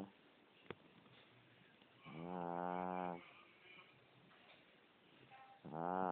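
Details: Overweight sleeping dog: two drawn-out, tonal, whistling snoring breaths a few seconds apart over faint room hiss; snoring.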